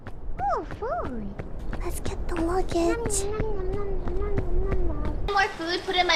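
Two short, high-pitched squeaky sneezes, each a brief hissing burst with a voiced squeal, over steady background game music and sounds.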